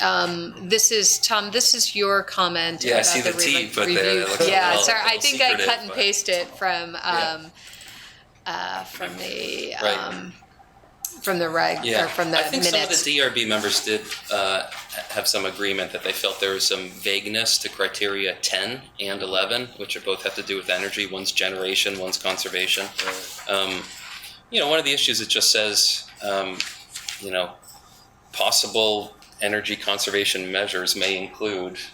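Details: Adult man with spasmodic dysphonia, which he calls basically localized epilepsy; he links his voice problem to his ski-industry years and a cliff fall at the U.S. Extreme Ski Championships that left his throat 'gunked up'; spasmodic dysphonia.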